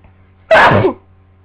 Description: Sneezing into tissues from my cold